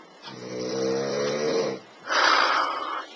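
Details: Person snoring during nightly sleep, recorded by someone who says it keeps him up: a loud, buzzing, vibrating breath in, then a noisy airy breath out.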